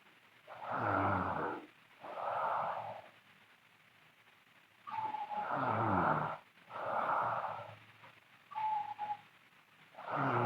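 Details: A sleeping girl snoring loudly: rough snores on breathing in, about 13 a minute, with quiet pauses between them; ordinary loud snoring.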